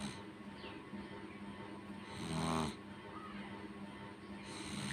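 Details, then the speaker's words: A young boy with a bad cold, worse since yesterday and receiving nebulizer treatment, breathes through his mouth. One coarse, snore-like rattling breath over a machine hum: nasal congestion noise. "দেখতে পাচ্ছ নাকের কেমন আওয়াজ, ঠিক করে নিঃশ্বাস নিতে পারছে না।"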